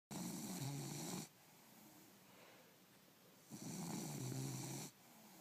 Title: Bulldog snoring